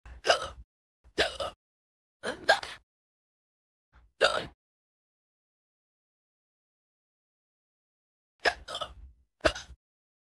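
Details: AI-generated hiccups of a girl character: six short, abrupt vocal bursts at irregular intervals with silence between.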